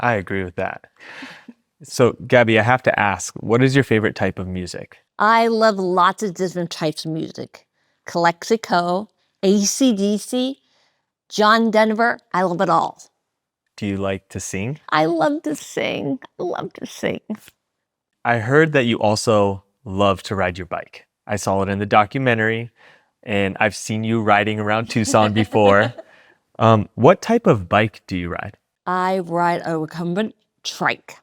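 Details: Aphasia in an adult woman, acquired after she was shot in 2011; she is relearning how to talk and works with a speech-language pathologist.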